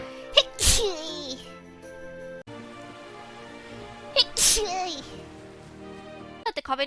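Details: Two sharp, explosive sneezes a few seconds apart over background music during a live stream, each trailing into a brief voiced tail; ordinary sneezing.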